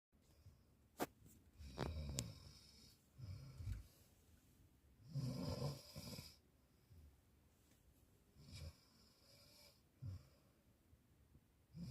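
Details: Teenage girl snoring when tired: soft, irregular snoring breaths, about five to six snores over twelve seconds, in a quiet room; snoring.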